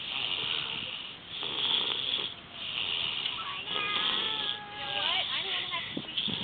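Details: Mild snoring from a sleeping nephew worn out after a day at the lake: soft, rhythmic noisy breaths, about three cycles, with background voices and music.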